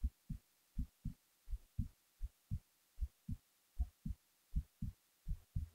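Steady paired low thumps at about 80 beats a minute: an ordinary heartbeat.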